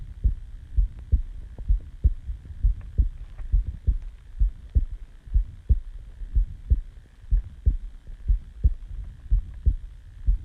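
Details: Self-recorded heartbeat just after waking from sleep: steady low thumps at about 63 beats a minute with a faint hum behind them; normal resting heartbeat.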